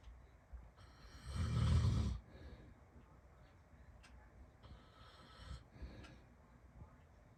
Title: Dad’s snoring during Heavy Rain